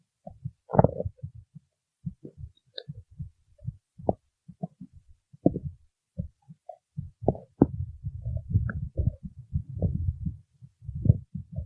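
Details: Low gurgling and rumbling bursts, irregular and bubbly, building into longer rolling growls; ordinary stomach growling (borborygmi).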